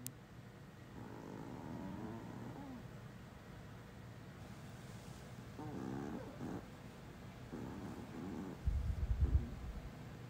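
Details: Sleeping Chihuahua, one of two in the household (a white 5-year-old male and a black 4-year-old female; which one is unstated): soft, low rumbling snores broken by brief squeaky whimpers and murmurs of sleep-talking.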